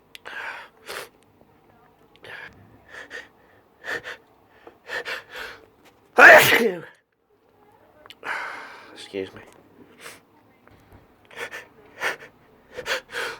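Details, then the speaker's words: Allergy sneezing fit: one sharp, forceful sneeze breaks through soft speech and breathing, with further sneezes following; sneezing. "Excuse me. Oh, I'm gonna sneeze again. Oh gosh. Achoo!"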